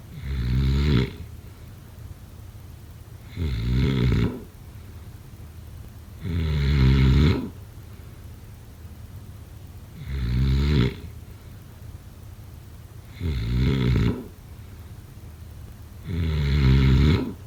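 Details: Ordinary heavy snoring: six loud, deep, rattling snores at a steady pace, about 20 a minute, with quiet pauses between them.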